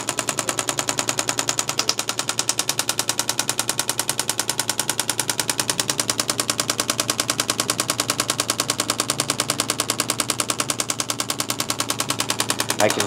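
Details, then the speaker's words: Rapid, very regular sharp clicks at about 200 a minute as a chiropractic shockwave head pins a neck muscle while the patient turns his head in a stretch; shockwave therapy device in operation. "this is a good spot here because every time Dr Alec finishes his head turn the muscle of that neck is actually popping itself across the shock wave's head so you can really tell we've got it nice and pinned down"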